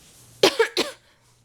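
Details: Adult still sick with a cold-like illness, a doctor-diagnosed left ear infection, and on an antibiotic: two short, harsh cough bursts in quick succession in a quiet room.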